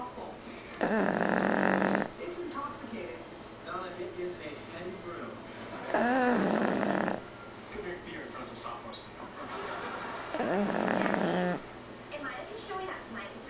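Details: Boston Terrier asleep with a bone in her mouth after playing, snoring: three loud, rattling snores, each about a second long, every four to five seconds, with quieter breathing between.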